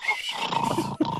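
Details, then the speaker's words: A sleeping pitbull snores: a single rough, voiced, groaning snore, then a brief pause before the next breath. "I just I just needed you guys to hear the Majesty of a snoring pitbull for a minute there"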